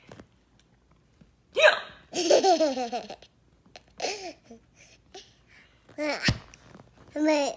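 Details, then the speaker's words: Fake, playfully imitated hiccups: brief sharp gulping catches between laughter and babbling, followed by "What? I have the hiccups," later admitted to be fake hiccups. "What? I have the hiccups."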